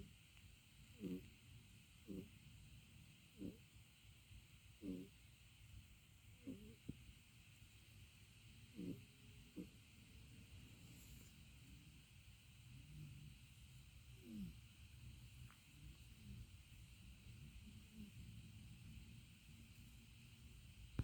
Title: Umi the cat snoring - long